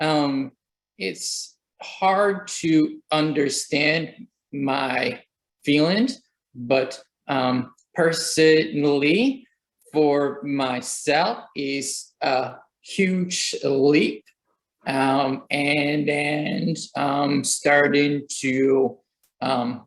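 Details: Aphasia in a young adult after a stroke at age 28, which occurred during chemotherapy about three years earlier; the aphasia is not the primary progressive type.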